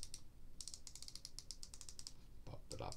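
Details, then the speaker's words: Rapid run of about two dozen small crisp clicks: adult dialling an Ozempic 4 mg injection pen's knob to a 1.0 mg dose, at 25 weeks on treatment for weight loss. "uh OIC has a dial here with the knob and I'm going to twist this until I get to my 1 millgram there"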